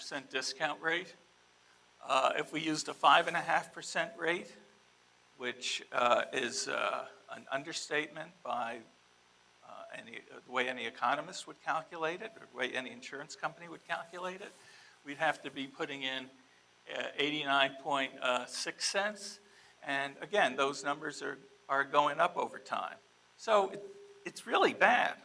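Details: Adult man speaking; Typical voice.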